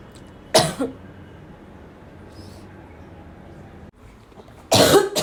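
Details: Adult's cough: two separate harsh cough bursts about four seconds apart over quiet room background.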